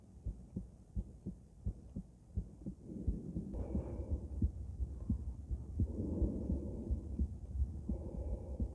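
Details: Female heart auscultated with different stethoscopes at Erb's point, then mitral, tricuspid, aortic and pulmonic sites: steady lub-dub heartbeat at about 86 per minute with rubbing noise from stethoscope movement; normal heart sounds.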